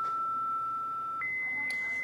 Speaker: When this beeps, that means it's ready to deliver a shock. That means this is primed.